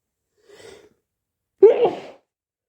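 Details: Hay fever sneeze: soft in-breath, then one sharp sneeze in a quiet room.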